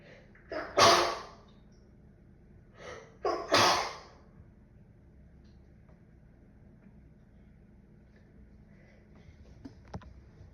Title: 風邪 くしゃみ ￤ cold sneezing f